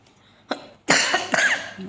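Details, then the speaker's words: An ill woman with fever, phlegm, a heavy cough and a cold, taking medicines, coughs while cooking. "आज मैं सही से voice over भी नहीं दे पा रही हूँ क्योंकि खांसी बहुत चल रही है आज मुझे।"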